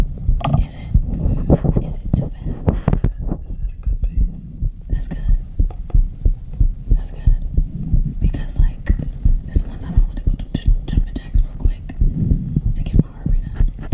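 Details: Steady, soft, low heart thumps of another person's regular heartbeat, recorded for ASMR and heard under quiet whispering; a normal heartbeat.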